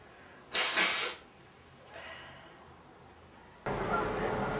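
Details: Male sneezing: a sharp burst of breathy noise, a sneeze, followed by quieter breath and then loud nose-blowing noise.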